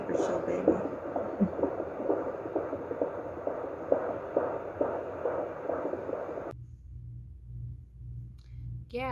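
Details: Fetal heartbeat on Doppler during pregnancy: rapid whooshing pulses, about 130 to 140 a minute, under background music.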